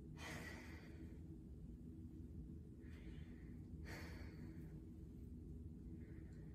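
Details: Real student-nurse respiratory assessment: a patient breathes in and out through the mouth while a stethoscope is placed over the anterior, lateral and posterior chest. Soft, even breaths over a steady low hum; normal healthy breath sounds.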